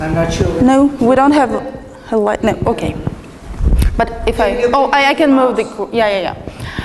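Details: Adult speakers in a room, possibly two; Ordinary conversational speech.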